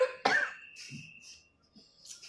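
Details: Single short, sharp cough followed by quieter throat sounds, an irritant cough after vaping a 6 mg strawberry cheesecake e-liquid.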